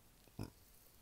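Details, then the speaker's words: An adult gives a single brief, low, guttural belch in a quiet room while talking, then apologizes; an ordinary burp. "I just burped sorry I don't know if you can hear that"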